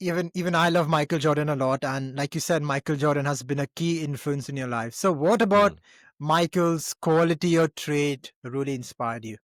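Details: Adult male speaker; Normal speech.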